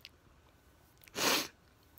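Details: A single sharp, hissing sneeze after a near-silent lead-in with faint clicks, then quiet room noise.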